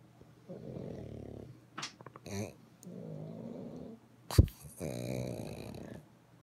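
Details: Three little pugs sleeping: long, rumbling, low breath noises with snorts and sniffs between them; loud snoring from small flat-faced dogs.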